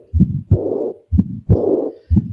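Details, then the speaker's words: Aortic regurgitation: loud, noisy murmurs filling both systole and diastole, with an early systolic ejection click. "so this thing does qualify of noise again it sounds like and the diagnosis of ortic recitation is pretty much"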